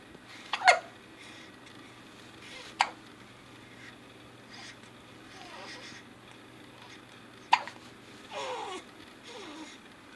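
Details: Hiccups: three abrupt hiccup sounds over about ten seconds, with soft vocal sounds between them in a quiet room.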